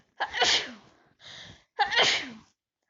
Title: Sneezes big cold for the pool